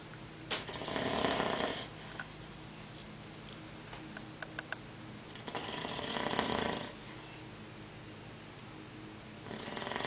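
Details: Sleeping person: two long, rough, rattling breath sounds about five seconds apart, a third starting, over low room hum; snoring, about 12 breaths a minute.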